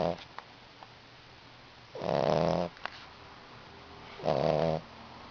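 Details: Two rattling snores about two seconds apart with quiet breathing between, roughly 27 a minute, from an 8-week-old sleeping soundly; snoring.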